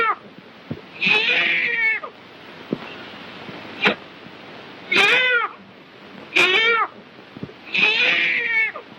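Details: Newborn girl crying just after delivery, from a 1938 birth film; repeated high-pitched wailing cries about a second each, with short gaps between them.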